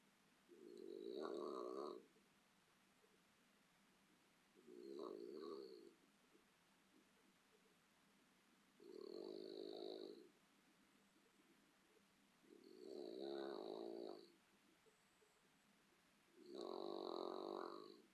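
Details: Dog snoring: five slow, regular rumbling snores about every four seconds, roughly 15 a minute, over a quiet background; keeps the owner awake.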